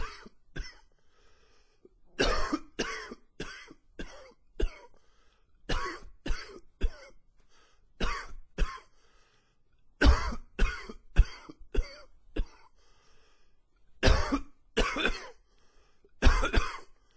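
Repeated bouts of harsh coughs, about thirty in quick clusters with brief pauses; a long coughing fit.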